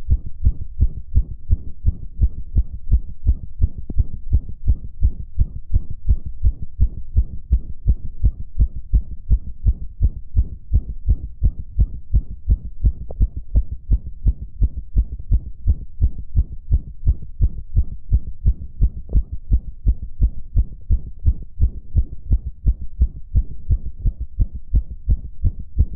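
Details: Fast, regular heart thumps with steady rhythm in a male, sinus tachycardia.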